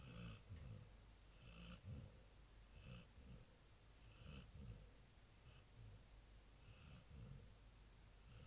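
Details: Sleeping Labrador dog that snores every night: soft, uneven, fluttering snoring breaths over room noise, several every few seconds; ordinary snoring.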